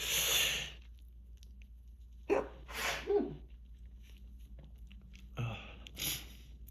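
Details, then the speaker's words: Three sharp sneezes in a row, each a quick breath in then a forceful burst out, from an adult with grass pollen allergy, unmedicated for several days and sneezing endlessly at spring season's end; allergic sneezing. "Oh, I gotta. I just gotta sneeze."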